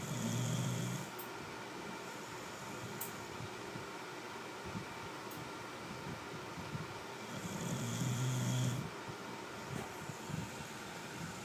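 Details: Two low rumbling snores about six seconds apart, over steady fan-like room noise; snoring.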